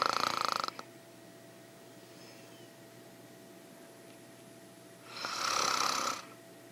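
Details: Woman snoring during sleep: two hoarse, rasping snores on deep breaths with a quiet pause between them.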